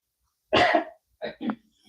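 One strong, harsh cough burst followed by two shorter, softer coughs in an adult.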